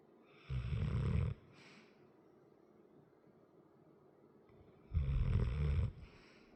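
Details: Large 100 lb dog with a chronic crusty nose: two loud, rough snoring rumbles about four seconds apart with quiet breathing between; ordinary snoring while asleep.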